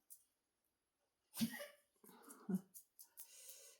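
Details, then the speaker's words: A 14-year-old dog gives two harsh, forceful coughs, each followed by a short gagging, wheezy sound; the owner notes the old dog has some unspecified problem and coughed in an earlier recording too. "ce que vous entendez tousser c'est mon chien il a fait ça aussi sur la partie une la première vidéo mais mon chien il a 14 ans il est vieux"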